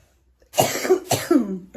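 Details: Cough from a woman who says she is ill, couldn't sleep and slept propped on pillows: two harsh cough bursts in quick succession, the second trailing into a throaty rasp.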